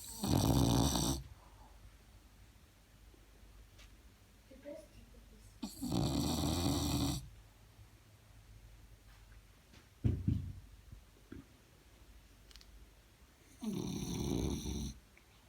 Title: French bulldog snore like a human